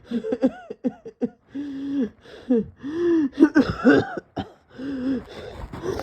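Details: Rapid run of short coughs with strained, drawn-out voiced gasps between bursts, in a person who became dizzy and felt close to passing out; coughing fit.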